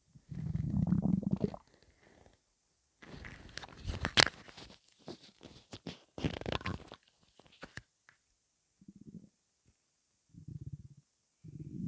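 Irregular gurgling and rumbling bursts with short quiet gaps: ordinary stomach rumbling from gas and fluid moving through the gut.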